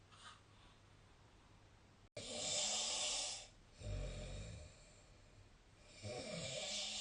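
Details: Loud, rough snores with strong hissing and rattling separated by quieter breathing, from a sleeping adult; ordinary snoring.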